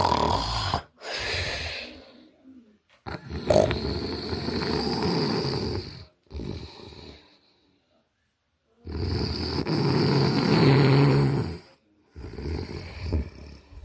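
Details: Loud, harsh snoring breaths in long rattling bursts separated by a few seconds of near silence: heavy snoring in a sleeper who reports having sleep apnea.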